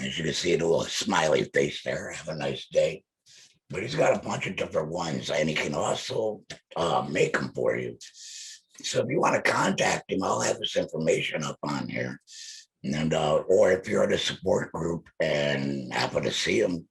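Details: Male laryngectomee speaking with an electrolarynx held to his neck, which he calls his only form of communication; electrolarynx speech after laryngectomy.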